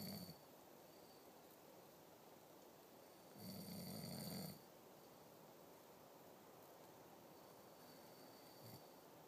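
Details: Man snoring loudly, described as snoring like a bear.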